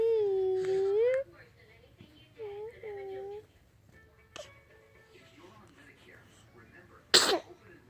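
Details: Infant's single sharp sneeze near the end, after an adult softly sings to the baby to go to sleep; sneeze.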